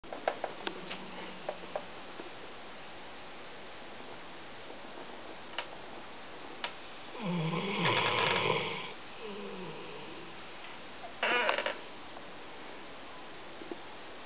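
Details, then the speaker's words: Rottweiler snoring in sleep: two loud, rough, rattling snores on breaths a few seconds apart, with quiet room noise and faint clicks between. "Kaya. Hey, snoring girl. Hey, girl. What you doing? You sleeping? Huh? Are you sleeping? Yeah?"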